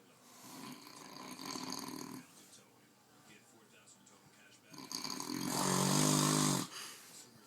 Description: Man is snoring uncontrollably. Enjoy :)